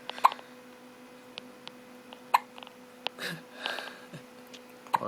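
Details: Baby with hiccups recurring for about the third time today: sharp, abrupt hiccup sounds a few seconds apart, with soft breathing and rustling between them.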